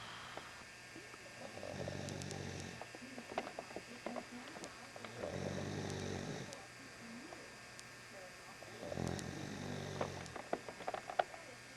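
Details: Low, rumbling snores in three slow cycles over about twelve seconds, with light clicks and faint room noise between them; ordinary snoring.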